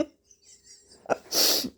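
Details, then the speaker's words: Person sneezing while eating an egg salad sandwich with a mouthful, trying to keep mouth shut: sharp inward breath followed by one loud, hissing, spraying sneeze burst; sneeze. "Got a mouthful. Got to sneeze. Oh my gosh."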